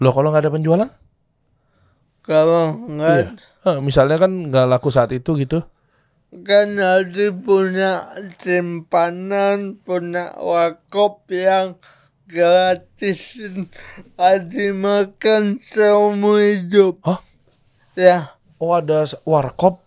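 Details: Adult man born in 1987 with severe cerebral palsy from birth, attributed to a birth injury during a breech delivery; he could not walk until age 9; speech possible but unclear; dysarthria.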